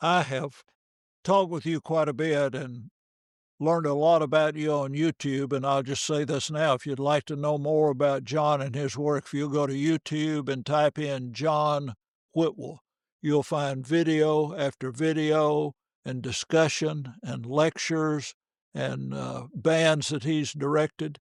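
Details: Adult male speaker; normal speech.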